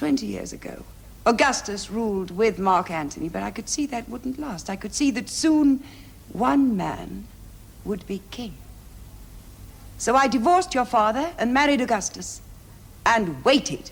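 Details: Adult woman, acted drama dialogue; normal speech.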